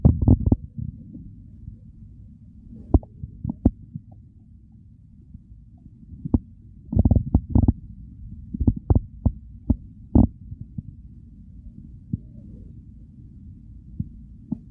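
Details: Hunger stomach growls recorded as part of a hunger-to-overfull digestion recording: low rumbling gurgles with scattered sharp pops and bursts over a steady low hum; active bowel sounds (borborygmi).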